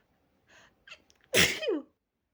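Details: While practicing softer sneezes, short catching in-breaths, then one loud explosive sneeze with a trailing voiced end.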